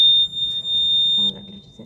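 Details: Steady high-pitched electronic buzzer from a vital-signs monitor, sounding when temperature or pulse falls outside the set range; monitor alarm buzzer.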